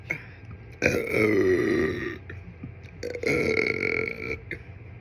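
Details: Two long, drawn-out, throaty burps, each over a second, with light room noise, after kimchi fried rice gimbap and ginger ale; burping.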